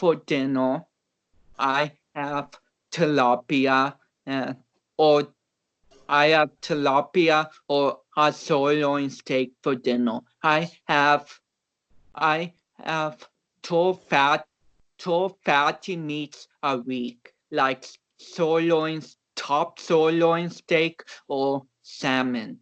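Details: Dysarthria in a man of about 29 with cerebral palsy, an athlete who had not been expected to walk or talk.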